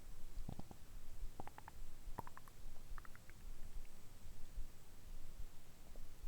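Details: Man's stomach after eating soy sauce and nori dango dumplings: soft gurgles and brief squeaky bubbling over a steady low hiss; ordinary bowel sounds.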